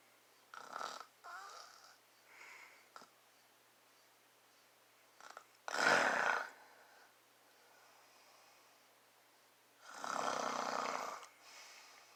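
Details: A man (father) snoring, recorded close up to his face: irregular rough snoring and snorting breaths, a few loud rattling inhalations separated by pauses, in a quiet room.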